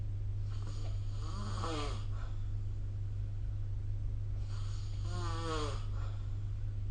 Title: 🐽 Snoring Sleep Sound